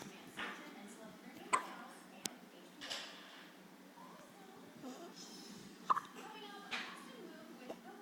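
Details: Infant hiccups: soft, sharp little catches recurring every few seconds over a noisy room.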